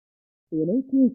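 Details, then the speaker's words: Simulated hearing loss, both ears, sloping to severe at high frequencies: a brief muffled speech fragment with crisp high sounds removed; simulated sloping high-frequency hearing loss. "and now I'll hit the simulate hearing level button and we'll listen again"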